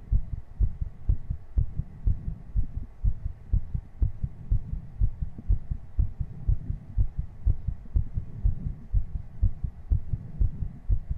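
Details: Streamer's own heartbeat on a 3Dio binaural ASMR mic after 60 jumping jacks: fast, regular, strong beats at about 122 a minute, a normal raised rate after exertion.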